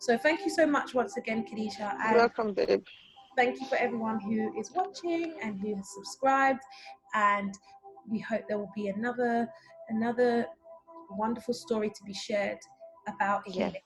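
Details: Adult woman; typical speech.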